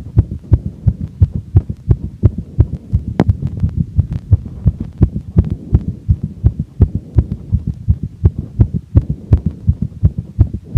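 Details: Woman's fast heartbeat after exercise, rate falling from 203 to 160 bpm per heart rate monitor watch; rapid regular beats over low hum, sinus tachycardia as normal response to exertion.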